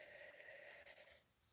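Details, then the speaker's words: Adult speaker with a really bad cold: a sustained whistling tone on breathing, wheezing. "Sorry if you can hear me wheezing. I've got a really bad cold."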